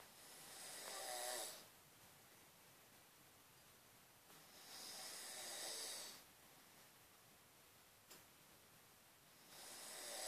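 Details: Wife snoring: three harsh, noisy snores on inspiration at about 13 breaths per minute, separated by quiet exhalations.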